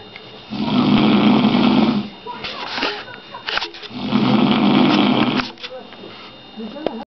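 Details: A man asleep, his head bobbing: two long, rattling, buzzy snores on the in-breath, with quieter breathing between them, at about 18 breaths a minute. Ordinary snoring during sleep.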